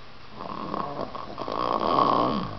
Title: Unc Snoring